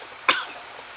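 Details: Single short dry cough from a person with chronic bronchitis or asthma that flares when sick, who thinks they have strep throat; quiet background.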